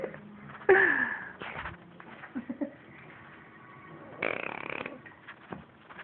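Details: A female snoring at night, recorded in the dark: rough, fluttering snores on each in-breath with quieter sounds between, which the recorder says sound like farting.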